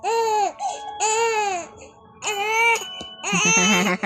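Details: Baby boy crying for milk, rhythmic high-pitched wails with brief gaps, a hunger cry.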